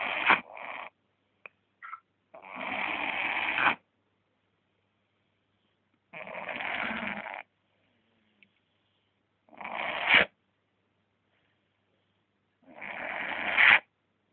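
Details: A sleeping male dog snoring loudly, with rasping snores roughly every three to four seconds and quiet pauses between them.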